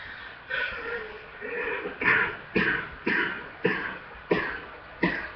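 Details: Chest congestion coughing fit: about nine harsh, forceful coughs in quick succession, with a full chest and a congested quality suggesting chest mucus.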